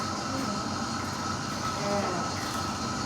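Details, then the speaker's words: Steady mechanical hum and hiss of a suction machine, with faint whistling as the catheter port is covered, while its suction pressure is tested before use on a patient in an airway-suctioning demonstration; suction machine running. "Oke, sebelum kita ke pasien kita coba dulu kuat enggak tekanannya. Kalau nyedot ini posisi diutup artinya berarti cairannya disedot sini tarik ya."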